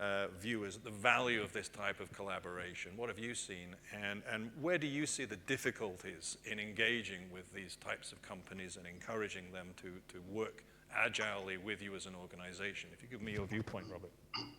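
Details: Adult male speaker; normal speech.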